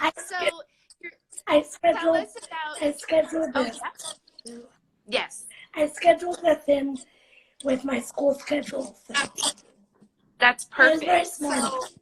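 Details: 17-year-old living with cerebral palsy, speaking spontaneously in a live interview; dysarthric speech in cerebral palsy.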